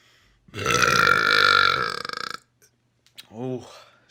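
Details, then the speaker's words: A person burping deliberately, trying for big burps with "a lot trapped inside": one long, loud, rumbling belch of nearly two seconds, then a shorter voiced burp. "there's a lot trapped inside me now so i should get some more big ones"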